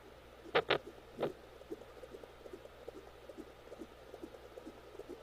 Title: Fetal Baby Hiccup Sound